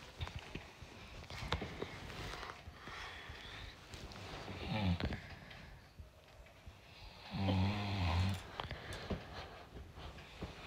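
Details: Husband snoring while asleep in bed in the morning, with low, rumbling snores and two loud ones over room noise and household sounds.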